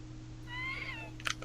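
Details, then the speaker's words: An adult player breathing through the nose makes a brief high, squeaky, kitten-like nasal whistle over steady electrical hum, which others call wheezing. "also distracted by the wheezing noise coming from. Are you okay? That's me breathing through my nose."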